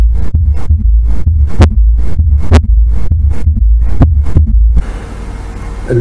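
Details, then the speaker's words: Low heartbeat thumps with an extra soft, dull sound just after the second heart sound; third heart sound (S3). "الثيرد هاوس ساوند كملناه بس خلينا نسمع شلون يكون الثيرد هاوس ساوند"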